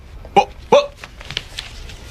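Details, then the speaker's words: Acted scene in a dramatized film of a man diagnosed with Tourette syndrome at age six; two abrupt, sharp, hiccup-like vocal noises: vocal tics (Tourette syndrome). "I make these noises because I have tourette syndrome"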